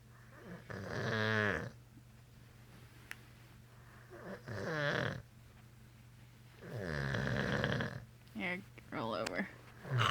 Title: Daddy snores